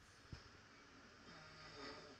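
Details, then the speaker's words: Snoring recorded overnight by a snore-tracking phone app and played back from the phone: faint room noise, a brief knock, then a low droning rumble on a breath, likened to a bulldog's. "Parece perro de baño, perro bulldog."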